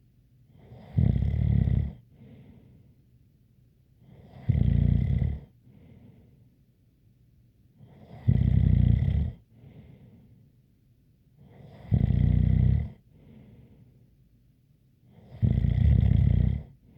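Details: Five regular, loud snores about every 3.5 seconds, around 17 a minute, with a light whistle on each breath.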